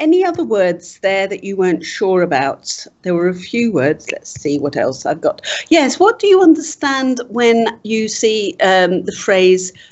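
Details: Adult woman speaking; typical speech.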